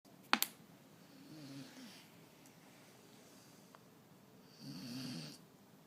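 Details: Pet worn out and asleep at 8pm gives two fluttering, rumbling snores a few seconds apart against quiet room noise, with brief clicks at the start: snoring.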